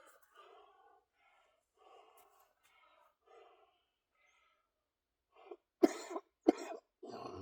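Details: Productive cough in a person with cystic fibrosis, lung function only 46%, getting winded and panting, gasping for air during a back and biceps weightlifting workout.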